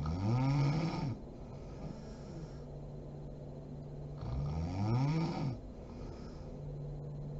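Two loud, low, rattling snores on breathing in, with quieter breathing between them, about four seconds apart. Ordinary snoring during sleep.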